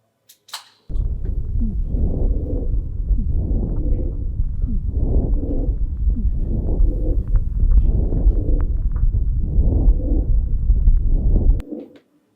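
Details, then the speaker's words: Mixed wheezes and rhonchi recorded by stethoscope over a dog's chest: rhythmic breath sounds with subtle musical wheezes and low rumbling rhonchi heard together. "Now we got also the possibility of mix sounds like I've got one here that I record in a dog where you can hear wheezes and ronkey together."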